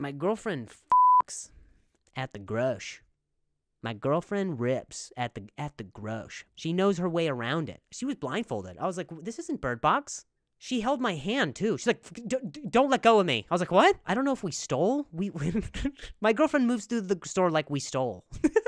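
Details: Adult male comedian who speaks with a stutter, with repeated words and phrases; stuttering.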